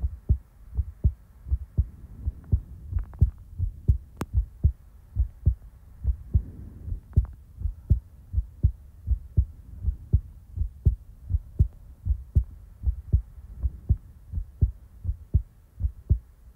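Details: Real-time heartbeat recording in a quiet setting: steady, soft, low heart thumps at about 80 beats a minute; a normal heartbeat.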